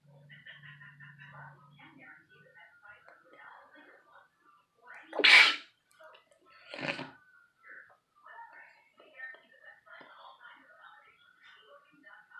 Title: Me sneezing again